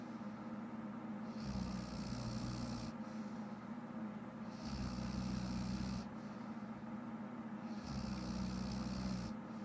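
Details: Girlfriend snoring in sleep: deep, rumbling snores about every three seconds, roughly 19 per minute, with a snorting quality over steady room noise; ordinary snoring.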